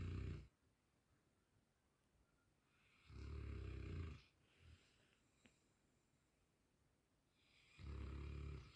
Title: does Ur dog snore? or is I t only mine he goes all night long #dog